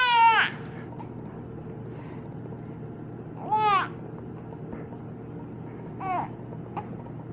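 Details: Infant girl with hiccups, unhappy about them, gives three brief, high, wavering whimpering cries over a steady background hum; short infant crying.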